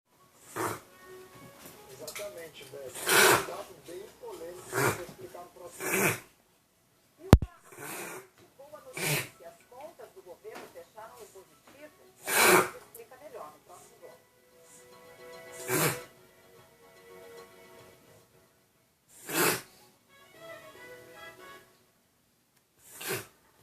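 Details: Whippet dog making repeated loud, snorting inward gasps through the nose during a reverse sneeze episode.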